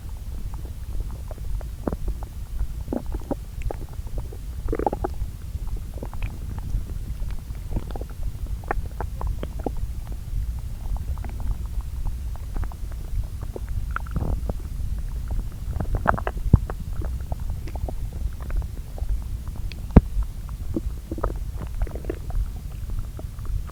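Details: Bowel sounds recorded from two lower intestine areas, overlaid: soft scattered gurgles and clicks over a low rumble; quiet, normal borborygmi of digestion.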